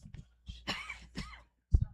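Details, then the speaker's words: Adult man on live sports radio gives a few short, rough coughs and throat-clearing bursts with brief pauses between them: an ordinary cough. "excuse me, coughing. You can hear [clears throat] [snorts] um trying to get a water open here."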